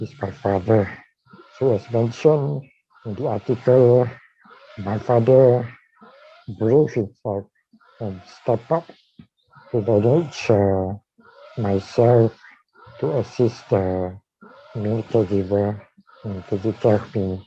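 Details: Dysarthria in a man with amyotrophic lateral sclerosis (ALS) diagnosed in 2018, tracheostomised in late September of the previous year.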